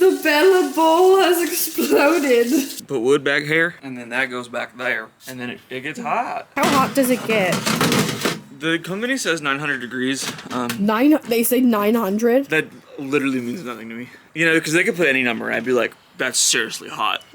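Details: Adult; Typical speech.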